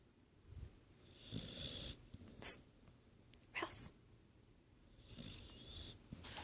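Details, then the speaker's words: Soft, rhythmic snoring with a faint whistling tone on inhalation in a sleeping pet named Ralph, described as snoring so loud; about two breath cycles heard. "you're snoring. Ralphie, Ralphie, you're snoring. So loud."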